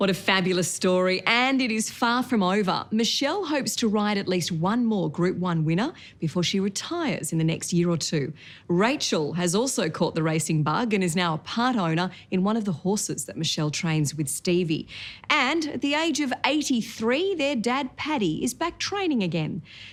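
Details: Adult woman narrating; normal speech.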